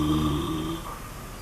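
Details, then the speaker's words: Badger sleeping in an underground sett chamber about 1 meter deep in darkness: soft, rough snore fading out; snoring during sleep. "a snoring badger. Only the best for you on Spring Watch."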